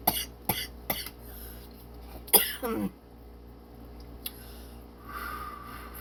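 Three quick, sharp cough bursts, then a harsher cough that trails into a rough, throaty clearing sound, followed by quiet room noise; a short adult coughing fit.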